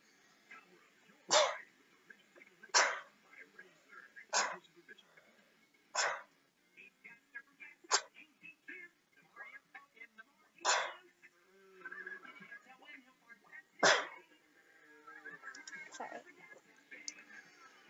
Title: more sneezing